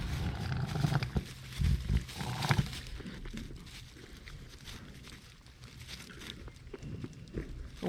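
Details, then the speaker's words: Newborn lamb, female, in her first hours of life with respiratory issues and gurgling: harsh, grunting, irregular labored breathing. "can hear her labored"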